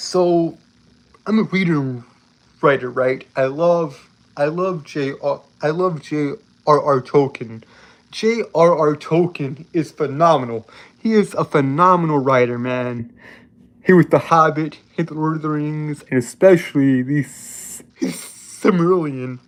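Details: Adult male with a self-reported speech impediment that makes him stutter and trip over his words throughout; stuttering.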